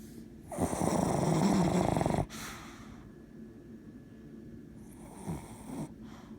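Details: Snoring: one loud, rattling snore on the in-breath lasting about a second and a half, then quieter breathing with a faint second snort.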